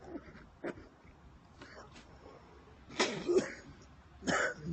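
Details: Repeated coughing after smoking: several short, harsh coughs and throat-clearing bursts, the loudest near the end, over room noise.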